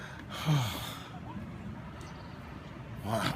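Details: Snoring man: a sudden loud snorting gasp, then quieter breathing and a second snort-like intake at the end; a sleeper's gasp during snoring.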